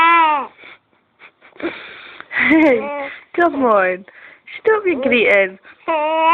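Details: Fussy infant with hiccups crying in short rising and falling wails with catchy breaths between; ordinary infant cry, no clear hiccup sounds.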